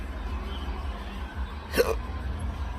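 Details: Intractable hiccups with choking spasms, Oct/Nov 2022; episodes last hours and are worsening; a single abrupt, sharp hiccup against steady low room noise.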